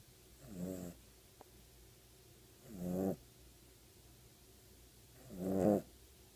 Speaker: when your puppy thinks it's okay to snore?